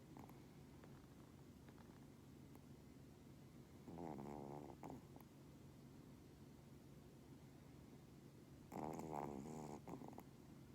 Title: When Your Pomeranian Snores Like Human | Yung Pom na Parang TAO Kung Maghilik